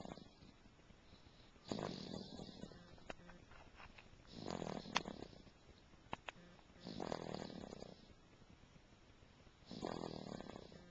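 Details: Snoring during sleep: slow, rough, rattling breath sounds recur about four times in eleven seconds, each lasting over a second.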